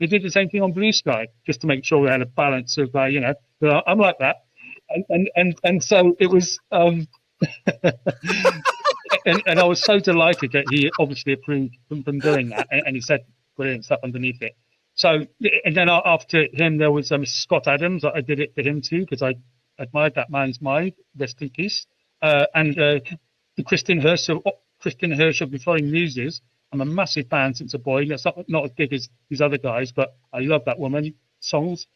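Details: Adult UK male with a stammer since about age 5, intense for 20 years, who had speech therapy at about age 24; genuine stuttering.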